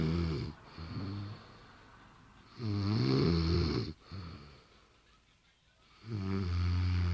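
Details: Woman sleeping in bed: loud, rattling snores on each breath roughly every three seconds, with quieter breaths between; snoring.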